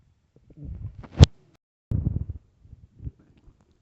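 Low gurgling rumbles and a sharp squelch from an empty stomach: ordinary hunger borborygmi.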